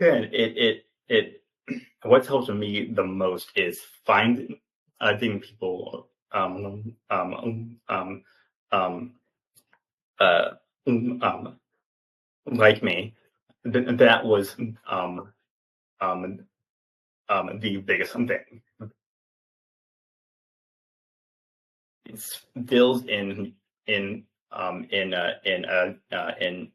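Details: 28-year-old man with stuttering, an open stutterer who had speech therapy in childhood, speaking in an interview; stuttering.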